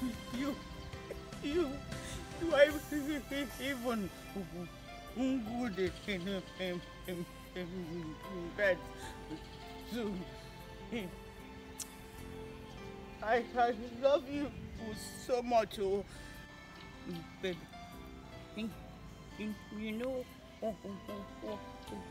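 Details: Adult actor in a comedy skit; stuttering (acted).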